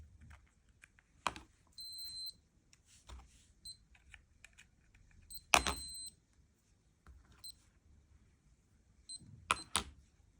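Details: Short, high-pitched electronic beeps with handling clicks in a quiet room from two Lifechek stick blood glucose meters during repeated readings (118 and 115) in a sensitivity test by a person with type 1 diabetes; glucose meter beeps.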